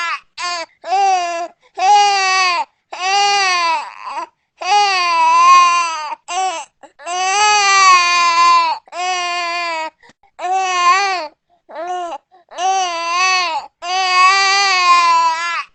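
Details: A newborn baby crying in high-pitched, rhythmic, repeated short wails with brief breaths between them, from a sound-effect recording: a newborn cry.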